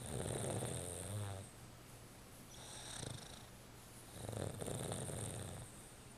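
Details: Pet snoozing with puffer-fish-like cheek puffing, giving soft, low rattling breaths in slow cycles with quiet pauses; snoring, usually louder than this.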